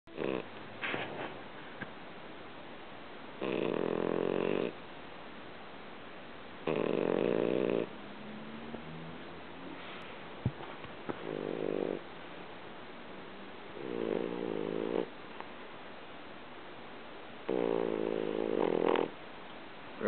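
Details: Loud rattling snores in long drawn breaths, about five in twenty seconds, with softer breathing between, from a tired, lazy French Bulldog; snoring.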